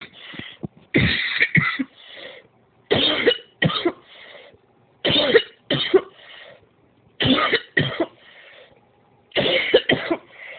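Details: Repeated harsh coughing in five bouts of two or three explosive coughs each, about a dozen in all, with breathy intakes between bouts; a coughing episode.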